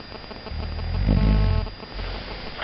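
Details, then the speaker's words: An adult man, unresponsive and asleep on a sofa, gives a single low, rumbling, engine-like snore that swells and fades against quiet room noise: snoring. "Putain, je sais pas si on entend comme il ronfle."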